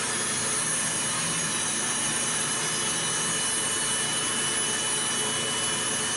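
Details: Routine preventive podiatry care: steady high grinding hiss of a nail drill reducing average, not thick, toenails on the first foot, with faint music behind.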